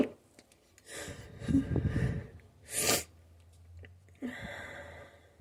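A run of stifled, partly muffled sneezes with sharp breaths between them, a short sneezing fit.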